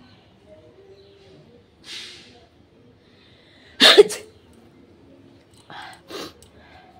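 A quick breathy intake, then a loud explosive sneeze, followed by a couple of softer sniffs or snorts; an ordinary sneeze.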